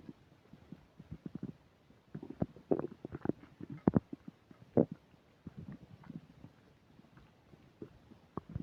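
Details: Stomach noises recorded while eating a burger and fish fries, upset digestion: bursts of bubbling, gurgling abdominal noises with quiet gaps between; borborygmi.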